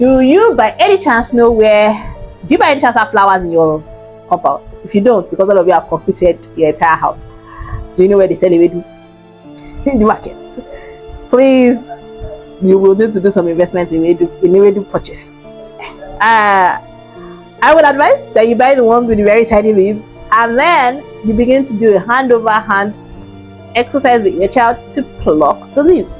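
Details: Woman with cerebral palsy, born preterm at 29 weeks weighing 1.1 kg, diagnosed after missed milestones, who says her speech is affected: dysarthric speech (cerebral palsy).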